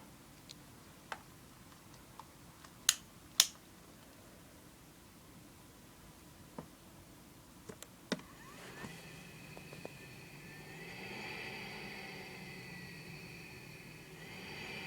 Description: The first time is how it normally sounds when I first turn it on. It starts at a low pressure and gradually increases to my prescribed air pressure.